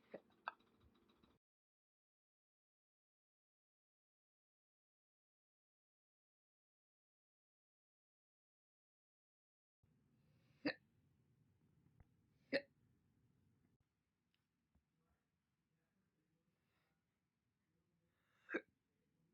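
Sharp, brief isolated clicks spaced several seconds apart against a quiet background; slow hiccups.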